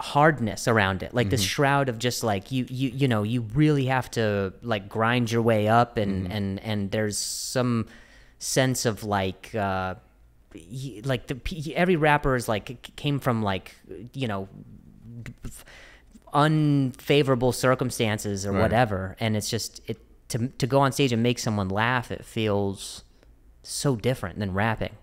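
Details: Adult male who stutters, speaking with word repetitions: stuttering.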